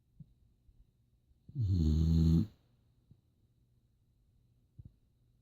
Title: Snoring Boxer